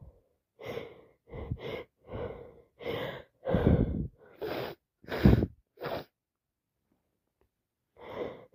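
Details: A run of about ten short, breathy, explosive wet sneezes in quick succession with a cold, on day 4 of the illness.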